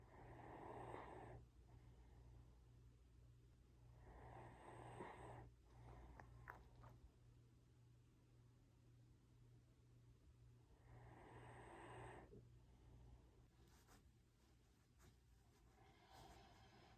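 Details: Sleeping Great Dane: three slow, rough snoring breaths over a low room hum with soft snuffles between; relaxed dog snoring.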